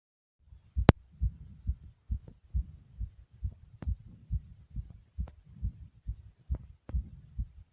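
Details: Self-recorded fast, strong heartbeat with heavy breathing: rapid regular low thumps at roughly 136 beats per minute with a faint rushing background.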